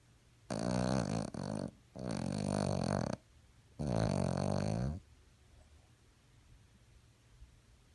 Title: Dog do snore